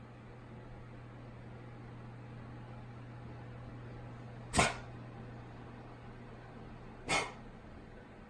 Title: Kennel cough? Respiratory virus? ..What is going on?